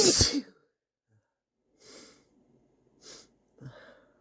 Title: Stifles, big sneezes, and false starts